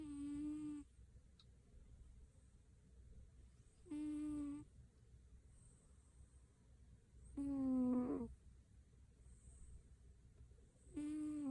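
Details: Cat snoring while asleep.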